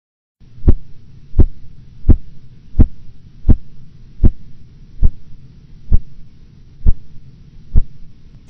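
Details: Korotkoff sounds, phases 3 and 4, heard during cuff deflation while measuring blood pressure, just before the sounds disappear at phase 5 (diastolic pressure).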